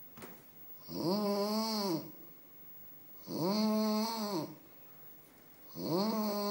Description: Snore....ngáy....kakaaka